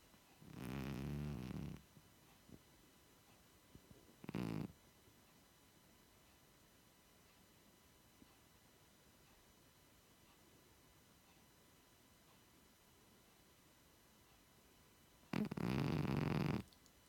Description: This is our 16yr old cat lying on the sofa snoring, it's a cats life